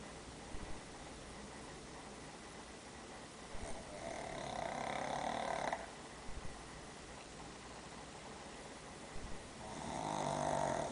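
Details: Diego sleeping after daycare: two long, buzzing, drawn-out snores about six seconds apart over steady background hiss: snoring.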